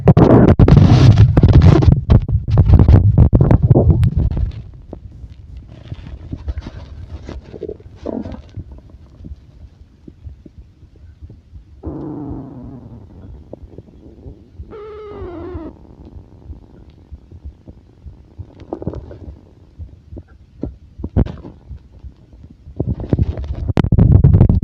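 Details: Loud low gurgles and rumbles with squeaky, rising stomach growling (borborygmi) and a faint thumping heartbeat underneath.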